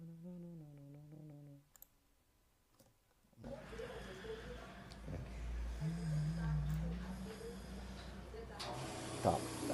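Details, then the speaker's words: Suction aspirator switched on while a sterile-gloved caregiver passes a catheter into the tracheostomy of a home-care patient with heavy secretions he cannot cough out; tracheal suctioning in progress. "liguei lá o aspirador a gente pega a aspiração pega a sonda e vai colocar lá ó dentro da tracon e a gente tá aspirando esse paciente"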